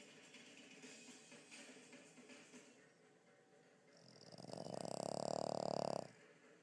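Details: A sleeping pet: faint room noise, then one loud rattling, buzzing snore lasting about two seconds.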